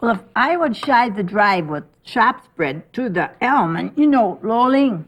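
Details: Woman with aphasia after a stroke, producing nonsense words and jargon sentences, possibly unaware of them; jargon aphasia.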